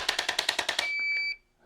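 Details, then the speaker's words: About nine rapid mechanical clicks, then a short high beep, from a stylus chiropractic adjusting instrument used on the cervical spine; the beep signals segment movement. The patient dislikes neck popping. "this one has a little stylus on it that we can get on either side of the spine so that's what i'm going to use to adjust your cervicals with and just relax a little beep lets you know that it's moving"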